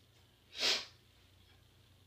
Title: 10/13 sneezes